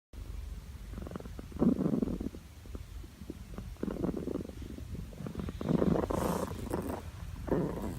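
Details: Sleeping cat: soft, rough rumbling breaths in a slow cycle, about 30 a minute; snoring.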